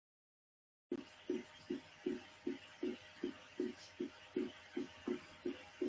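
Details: Physiological splitting of the second heart sound, aortic and pulmonary components, simulated on the Harvey cardiology manikin in a normal auscultation program, no murmur.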